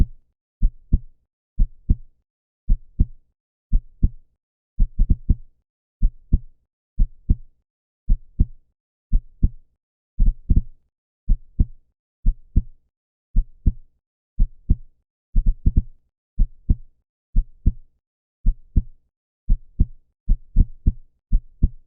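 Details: Human heartbeat sound effect, said to be 125 beats per minute, though heard as steady paired lub-dub beats at about 58 beats a minute; normal heart sounds.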